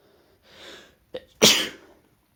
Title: A few let out sneezes (M)